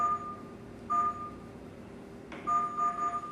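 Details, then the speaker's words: Fetal heart rate monitor (F9/F9 Express series) sounding repeated short electronic beeps over room hum: its audible and visual alarm triggers when fetal heart rate exceeds 160 bpm or drops below 120; alarm levels configurable medium or high. "es que el feto tiene latidos mayores a los 160 por minuto inmediatamente se va a activar una alarma tanto visual como auditiva"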